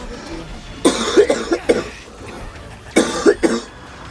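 Two bouts of harsh, repeated coughing from an adult man, about six coughs in all, with faint game sound behind; a hacking cough.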